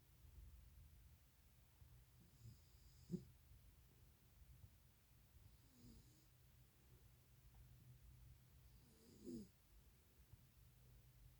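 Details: A young child snoring: soft, regular snores with brief snorty, hissing breaths about every three seconds, roughly 18 a minute, over low room rumble.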